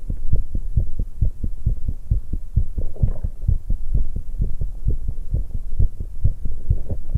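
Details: Fast, strong, regular heartbeats after exercise in a 19-year-old female, with a brief gurgling swallow or stomach noise midway from drinking tea; normal rapid post-exercise heart rate.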